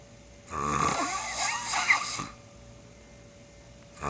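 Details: One loud, rough, rattling snore lasting almost two seconds then quiet, from a sleeping man who snores loud enough to wake himself; recorder suspects borderline sleep apnea.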